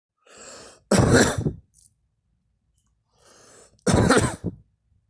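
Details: An adult gives two strong coughs, each led by a quiet breath in, in a quiet room.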